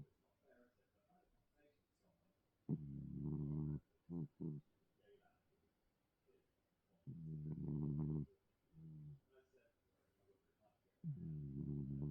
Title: Snoring snugglepuss